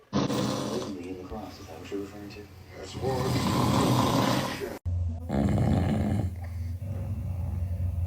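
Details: Adult man (a baby's father) snoring: loud, rough, rumbling snores, with background voices and music as the baby reacts.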